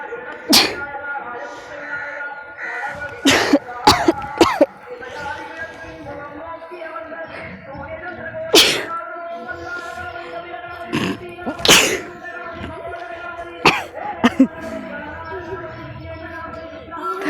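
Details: Sneezing challenge: several sharp, explosive sneezes over about 17 seconds, induced using a plant, with music in the background.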